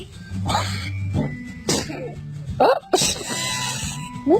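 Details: Infants sneezing: small, sudden baby sneeze bursts, with adult voices and music in the background; sneezing.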